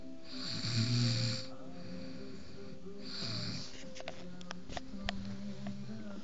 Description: My Friend Snoring caught by me,,, hehehehe